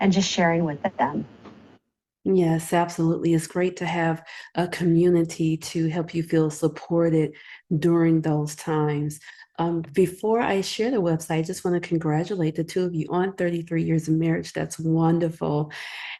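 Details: Adult speaker, likely female; normal speech.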